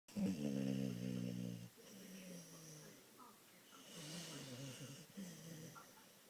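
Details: Dog napping, snoring in sleep: one loud, rattling snore followed by quieter snuffling breaths.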